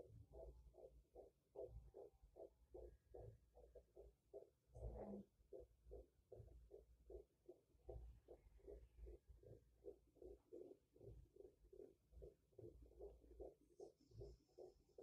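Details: Rapid, regular whooshing fetal heartbeat at roughly 150 to 160 beats a minute on Doppler at a four-month pregnancy checkup; fetal heartbeat.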